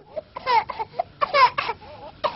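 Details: Short, strained infant cry bursts broken by brief pauses, from a baby ill with whooping cough (pertussis).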